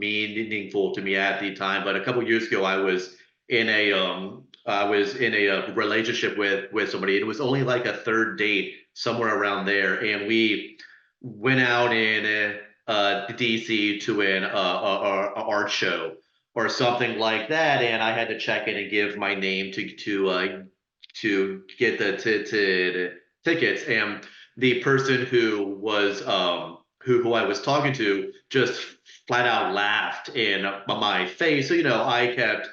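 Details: Panelist who stutters speaking in a stuttering-association webinar, with audible repetitions; stuttering.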